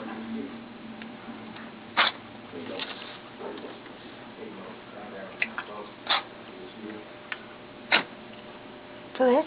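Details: Tiki, a small animal, walks briefly on his hind legs and sneezes about four times, short sharp bursts a few seconds apart, over quiet room noise and light shuffling.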